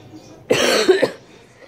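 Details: Adult coughing a lot with a hoarse voice that sounds like it is being lost, cough bothering the throat; pet birds nearby. Finding: cough.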